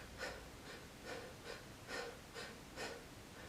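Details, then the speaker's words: Quick, loud, effortful breaths in steady succession while sitting, from an adult with cystic fibrosis who describes difficulty breathing deeply and unnoticed heavy breathing: laboured breathing. "I find it very very hard to breathe deep it's like I stopped breathing around here all the time it's like I like sometimes sometimes I think breathe very heavy and I don't realize it"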